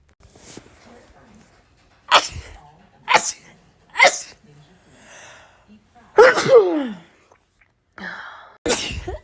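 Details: Rapid sneezing from a compilation: about six sharp sneezes in close succession, with brief gasps and a voiced exclamation between. The sneezer says the urge to sneeze is strong and she hates it right now.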